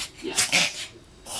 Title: coughing mvi 2399